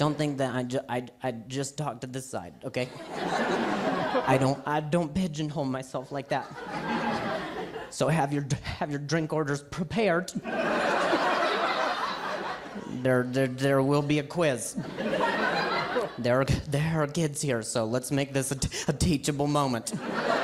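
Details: Adult male stand-up comedian who says he stutters and calls it a very mild speech impediment; repetitions of words and phrases are heard during his set; stuttering.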